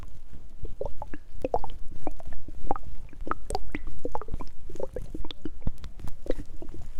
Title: STOMACH GROWLING HUNGRY WATER GOOD SOUNDS ✨